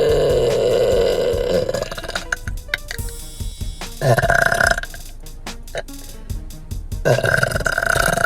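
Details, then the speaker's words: Woman in a parked car burping repeatedly: several long, loud, rumbling belches in a row over faint background music; she describes some burps as unsatisfying, with an incomplete ending. "Oh my goodness. I have been asked before if there's unsatisfying burps, and the answer is yes. It's like you get a majority of it out, and then the ending just doesn't satisfy."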